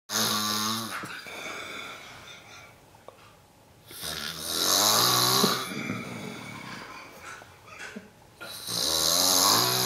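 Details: Young man asleep on a hunting trip, snoring: three loud, rattling, fluttering snores in about ten seconds with quieter breathing between.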